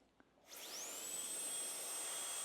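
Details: Dental handpiece on a Forest 7000 series dental unit spinning up: a sharp rising high-pitched whine settling into a steady shrill tone, with a hissing water spray.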